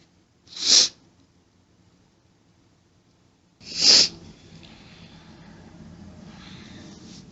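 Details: Woman's allergic sneezing fit: two sharp sneezes a few seconds apart, then steady hissy background noise; sneezing.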